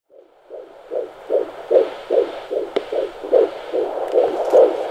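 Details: Fetal heartbeat of a baby girl at 23 weeks 5 days on Doppler: rapid, regular whooshing pulses, about 150 beats per minute.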